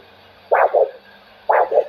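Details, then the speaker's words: Handheld Doppler over a foot artery during a foot vascular assessment OSCE: two regular pulsatile whooshing beats about one per second, each three-part; triphasic arterial signal, a healthy finding. "one is actually that it's multi-physic but you get those three sounds so it's one two three one two three this is tri-physic sound"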